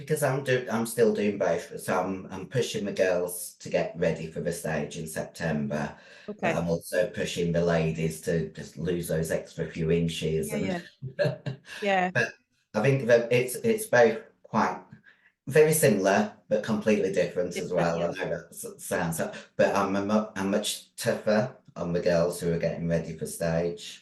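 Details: Adult female bodybuilder whose formerly very high-pitched voice became very deep after taking large doses of male steroids (performance-enhancing drugs); she can no longer sing; androgen-induced voice deepening (virilization).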